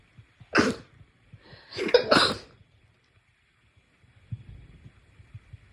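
Two explosive sneeze-like bursts, the second a double burst, then quiet room noise.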